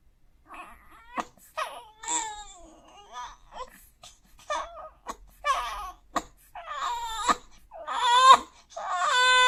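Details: 4-month-old baby boy asleep, twitching with a face as if about to cry: brief whimpers and short cry-like sounds rising toward a fuller cry, yet he keeps sleeping without waking.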